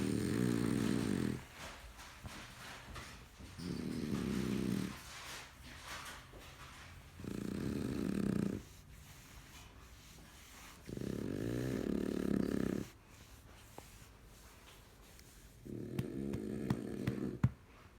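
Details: Dog snoring in sleep, tired after his walk: loud, rattling snores about every 3.5 seconds, each over a second long, with quiet breaths between.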